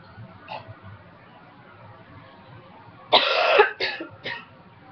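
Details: Dry cough during a cold in a person who quit smoking almost 2 years ago: a harsh throat-clearing burst, then two short dry coughs, without a wet or rattling quality.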